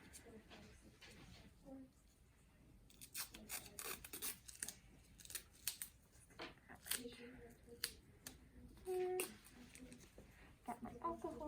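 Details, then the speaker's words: A nursing student readies a piece of tape before IV insertion in a patient's arm: scissor snips and tearing, crinkling tape in a small room. "okay i'm gonna get my piece of tape ready"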